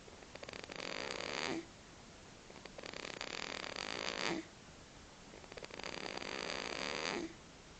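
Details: Baby snoring in sleep: three long, rough, rattling snores with quiet gaps between them, about 22 a minute.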